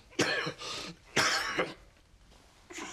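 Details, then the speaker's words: Adult actor in a Korean historical TV drama scene gives two sharp, noisy cough bursts, each followed by a brief trailing breath: a cough. "누구인가 지금 누가 기침소리를 내었어 신이옵니다"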